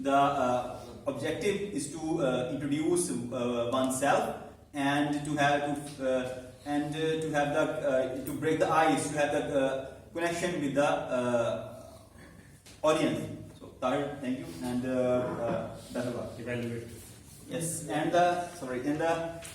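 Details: Man who stammers, in a stuttering support Toastmasters club for about eight to nine months and has learned to accept it; stuttering.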